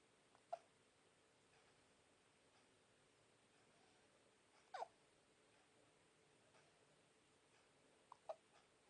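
Quiet room with three soft, sharp catches a few seconds apart from a sleeping baby; infant hiccups.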